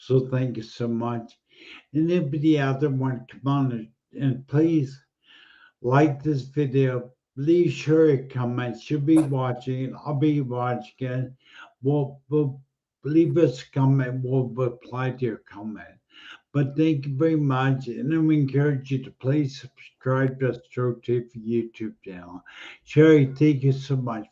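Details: Adult man speaking; normal speech.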